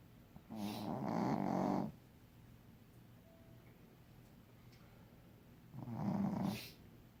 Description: was so tired and he snores so loud